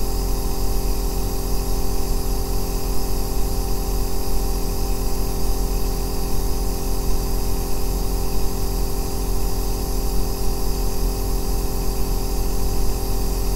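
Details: Aerosol nebulizer running continuously, recorded as ASMR white noise for sleep and relaxation: a steady deep droning bass hum with even hiss and no breaks.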